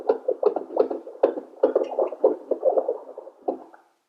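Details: Simulated fetal heartbeat made by tapping the FHR probe of a smartphone-based wireless NST/CTG fetal monitor. The speaker gives rapid, somewhat irregular swishing pulses while the FHR count is shown and plotted. Not a real fetus.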